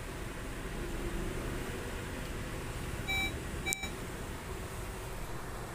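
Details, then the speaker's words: Heidelco syringe pump switched on during a demonstration: short electronic power-on beeps over room hum. "इसको यहां से on करते हैं ठीक है"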